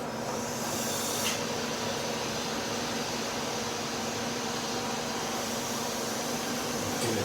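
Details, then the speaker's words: Steady rushing hiss of a smoke evacuator suction running continuously as a CO2 laser treatment begins on the forehead of a woman with acne scars in dark Hispanic skin, after radiofrequency microneedling. "now we're ready to go let's hit the suction"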